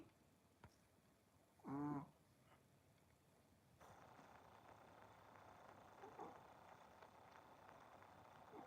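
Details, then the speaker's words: A flat-faced dog, whose owner suspects her face shape plays a role, gives one loud, low, buzzing snore, then faint breathing against room noise; snoring. "Do any of your dogs snore like this? She has kind of a smashed in face, and I think that has something."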